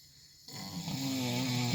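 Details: A man asleep at night gives a loud, rough, rumbling inhaled snore that starts abruptly and builds over under two seconds; snoring.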